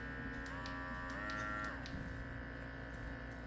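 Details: Electric baby nasal aspirator with 5 suction levels, USB-C rechargeable, switched on before use on a congested grandson: small motor whines steadily and steps through speed changes, with faint clicks as it switches settings.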